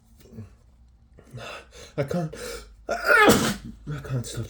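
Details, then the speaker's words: Man with a head cold, sneezing all day: gasping in-breaths building to a forceful wet sneeze, with sniffing around it; a rapid wet sneezing fit. "sneezing so wet yeah oh my God I'm just so sick I've been sneezing all day"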